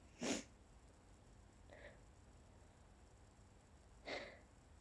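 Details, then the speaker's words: Two short, deliberately stifled allergy sneezes with a small catch between them, in a quiet room; sneezing. "So, I have a request to Stifle. This isn't something I normally do. My sneezes are generally too big."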